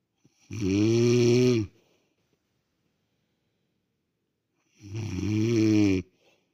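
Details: Adult woman snoring: two loud, rough, droning snores about four seconds apart, with silent pauses between breaths; ordinary heavy snoring.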